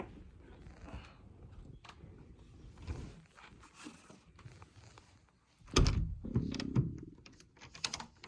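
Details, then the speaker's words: Adult's audible stomach growling (borborygmi) while hungry before ordering food delivery on the first day at a Jeju Island guesthouse; asks whether her growl was heard. "들었어, 내 꼬르륵 소리?"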